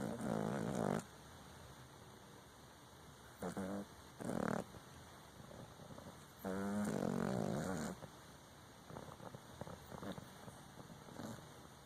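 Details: Exotic Shorthair Persian cat snoring in its sleep: irregular rattling, buzzing breaths with quiet pauses between them.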